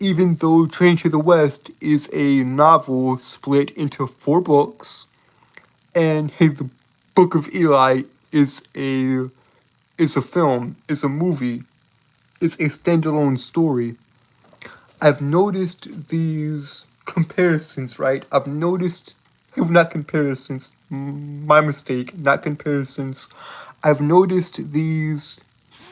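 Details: Man with a self-reported speech impediment; speech disfluency (stuttering-like repetitions).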